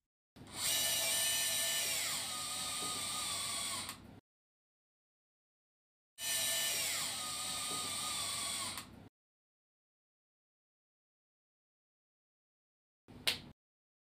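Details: Power screw insertion during a demonstrated proximal femur varus osteotomy for valgus deformity, fixed with an LCP Pediatric Hip Plate 3.5 110°, with 26 mm shaft screws: two long bursts of high motor whine dropping in pitch as the screw seats, then a brief final burst.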